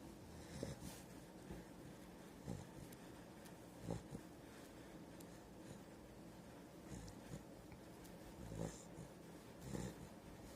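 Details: Five-month-old Rottweiler puppy snoring in sleep: soft, snorting snores and breathy sleep noises at irregular intervals over a steady background hum.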